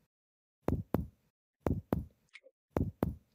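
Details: Abdominal percussion during a shifting-dullness test for ascites, moving from the midline down to the flank: paired taps give a hollow, resonant tympanic note with no change to dullness (no ascites).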